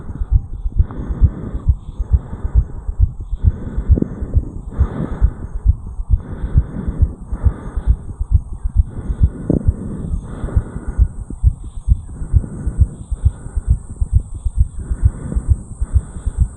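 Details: 34-year-old man recorded at the mitral area after jogging up a flight of stairs: fast, regular, forceful heartbeats at about 130 per minute; sinus tachycardia after exercise.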